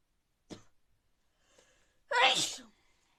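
A faint intake of breath, then one sudden, forceful sneeze in a quiet room.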